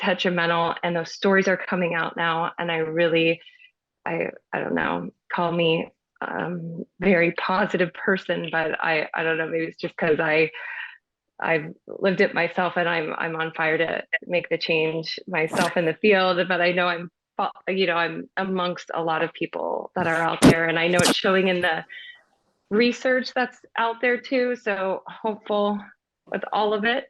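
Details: Adult woman, a speech pathologist who stutters and was taught to be a covert stutterer, says she is very nervous while talking; stuttering.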